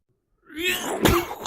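A rising breathy intake followed by one sharp explosive burst, a single sneeze.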